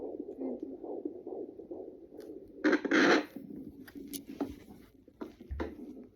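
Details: Baby's heartbeat heard at home with a fetal Doppler: rapid, rhythmic whooshing pulses at about 150 a minute; fetal heartbeat.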